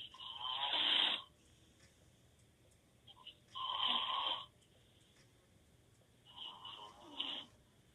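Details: Three loud, harsh open-mouth snores from an adult man (boyfriend), roughly 20 breaths a minute, with quiet gaps between; ordinary loud snoring.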